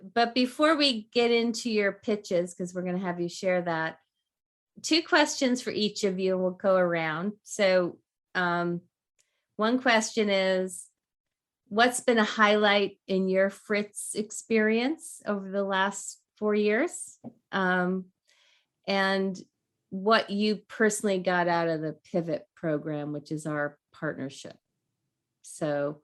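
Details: Adult speaker; Normal voice.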